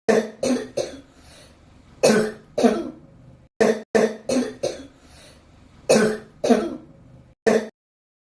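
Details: Adult coughs about a dozen times in short bouts of two to four harsh, voiced coughs; a clinical cough case.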